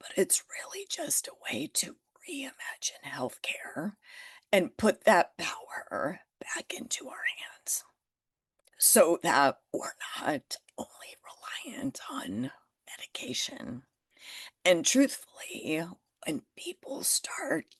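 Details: Adult woman with spasmodic dysphonia that began after stress and illness while building her business. It is still present and being managed naturally, without Botox: spasmodic dysphonia.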